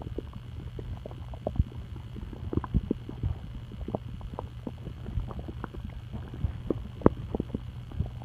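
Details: Irregular gurgles, clicks and low rumbles over a steady low hum: stomach noises, ordinary bowel sounds (borborygmi).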